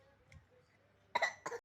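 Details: Two short, harsh coughs from a child after a quiet start; an ordinary cough.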